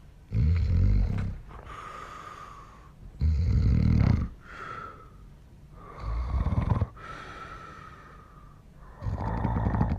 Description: My wife recorded me snoring one night...